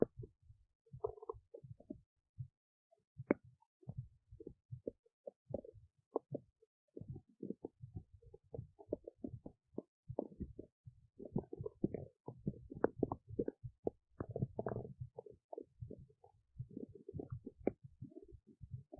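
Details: Big belly noises while digesting oats: soft, irregular gurgles, pops and rumbles come and go, ordinary digestive bowel sounds.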